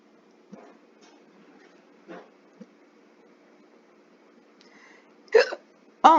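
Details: Storybook reading of a cat character with hiccups: several short, abrupt hiccup sounds at uneven intervals, ending with two louder ones; a simulated hiccup sound effect.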